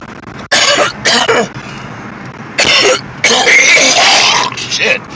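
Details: Harsh, forceful coughing fit in bursts from an adult man smoking a blunt while driving on I-85, with car road noise behind.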